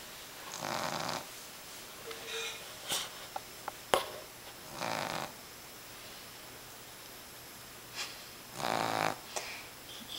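Three noisy rasping snores over ten seconds with a few quiet clicks and snorts between them, in a quiet room.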